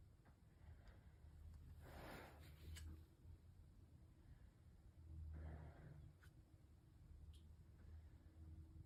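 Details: A student nurse's stethoscope assessment of a healthy chest: soft, even whooshing breaths over a steady low rumble, about two slow deep breaths, with no wheeze or crackles: normal breath sounds.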